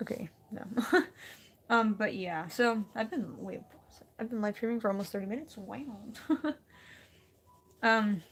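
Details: Adult woman, a streamer, with stuttering that she says comes on when she gets nervous and talks too fast; she gets stuck trying to say a word and it worsens, and she says it is happening right then; stuttering.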